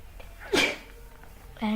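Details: A single sharp, explosive sneeze in a quiet room, followed by a brief voiced sound, triggered by a small amount of sneezing powder.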